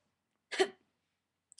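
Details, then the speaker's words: Vocal tic partly held back and converted into a cough-like sound by the person with tics: a single brief, abrupt throat sound like a clipped hiccup or half-cough. "I transfer it into a cough now um so that's it because I was just talking about it that was how I transfer it um from a tick into a cough um pretty sneaky um sometimes it sounds like a sneeze but it mostly sounds like a cough"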